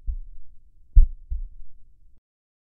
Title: Slow HeartBeat